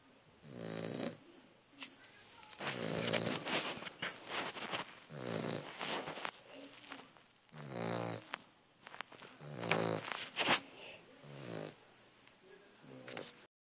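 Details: Cavalier puppy snoring: repeated rattling, snorting snores with breathy gaps, about five or six in a quarter minute.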